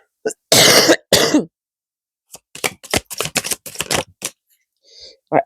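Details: A woman who says she is losing her voice gives two forceful, wet-sounding coughs, then a run of short throat-clearing sounds and a brief grunt in a quiet room.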